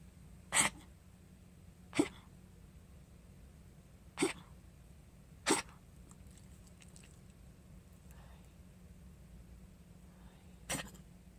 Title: Coughing